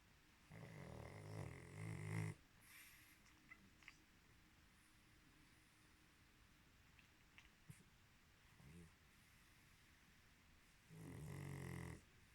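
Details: Sleeping pug, a flat-faced dog, snoring beside a burning candle: two long, low, rattling snores about ten seconds apart with faint room noise between; ordinary snoring.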